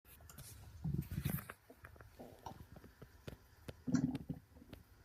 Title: Stomach growling for 2017